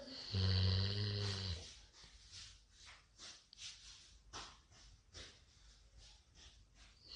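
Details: After a loud opening noise, quiet snuffling snores and uneven breaths from a sleeping golden retriever dog on a Sunday morning; snoring.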